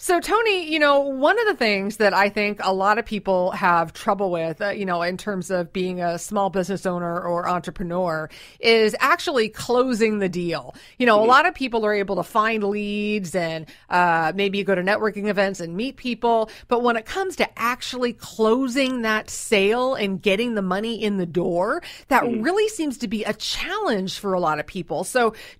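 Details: Adult woman speaking; Normal speech.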